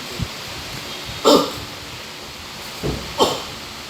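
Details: Assisted cough technique: two short, sharp cough bursts, each followed by a brief softer sound.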